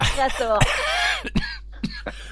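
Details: Adult podcast speaker has a coughing fit mid-talk: a run of about four sharp, harsh coughs in a small room.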